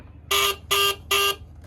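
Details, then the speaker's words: HawkMed HK-400III syringe pump after speaker replacement: three evenly spaced electronic alarm beeps, the alarm given when fluid in the syringe runs out. "अब हमने इसके अंदर speaker fit कर दिया, तो अभी ये अलार्म भी करेगा, सारी साउंड्स भी देगा जो कि इसको देनी चाहिए।"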